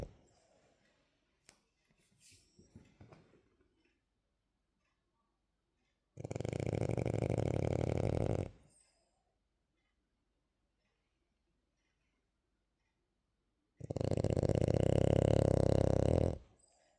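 Two long, loud rasping breaths a few seconds apart in a quiet room, a sleeping dog's snore.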